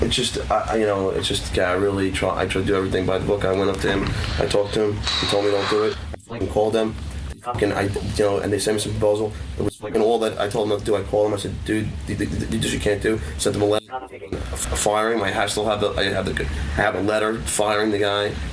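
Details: Adult male radio show staffer, nicknamed for his stutter; stuttering.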